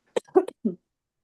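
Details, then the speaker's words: Adult who is losing their voice: a short run of three or four quick, fairly dry coughs in a quiet room. "really losing my voice but can you hear me? >> I can. you're coughing a lot."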